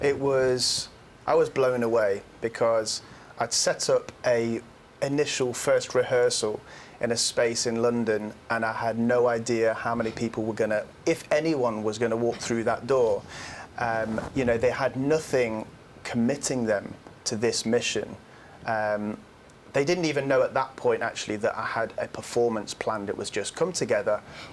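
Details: Adult male speaker; fluent speech.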